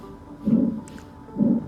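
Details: Two soft, low whooshing pulses about 0.9 seconds apart from a Kyoto Kagaku MW43 abdominal examination simulator manikin: a normal common iliac artery sound with no added bruit.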